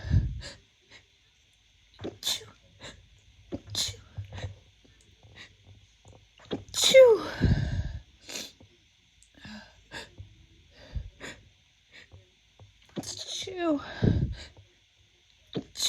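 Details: Woman's first sneezes of spring 2024, attributed to seasonal pollen allergy: two full sneezes, each after a gasping build-up, with sniffles between.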